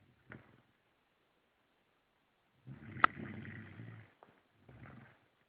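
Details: Sleeping French Bulldog snoring: short rattling, rumbling breaths with a brief snort.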